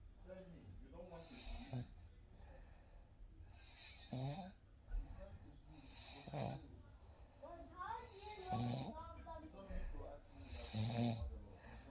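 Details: Real night recording: soft, irregular snoring on in-breaths, about one every two to three seconds, over faint room noise; gentle snoring during sleep.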